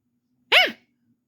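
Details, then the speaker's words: A single short, high-pitched nasal sneeze from a pet fox whose owner suspects allergies. "Bless you that's a cute sneeze"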